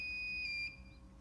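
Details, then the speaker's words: Two-channel Bodyguard IV infusion pump switched on with the on/off button: a high, steady electronic beep lasting well under a second as it runs its power-on user self-test. "so to start give your on/off button go ahead push your on button it's gonna do a user test"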